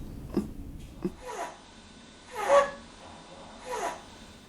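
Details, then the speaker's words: Child with breathing difficulty making three harsh, noisy breaths with a rough, slightly tonal edge: stridor, a sign of a narrowed airway needing urgent medical care. "your child might make this noise if she's having breathing difficulties this is called strid all"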